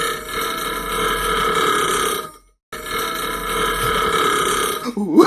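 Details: Simulated burping, a game sound effect: two long, loud, rumbling burps separated by a brief silence.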